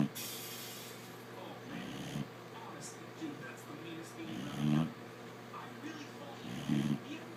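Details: Sleeping dog with soft, irregular snuffling snores, about two dozen a minute, over room noise; snoring.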